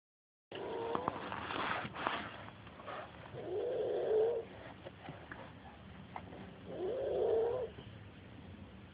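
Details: Snoring from someone, like an old man.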